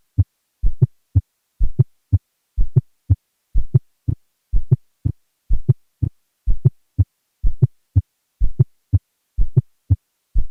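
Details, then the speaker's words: S4 gallop (atrial gallop), a low-pitched late diastolic sound: regular heartbeat near 62 a minute, each S1 preceded by a soft low extra sound. "be caused by atrial contraction into a stiff and non-compliant ventricle as might occur with systemic hypertension LVH or ES schic cardiomyopathy"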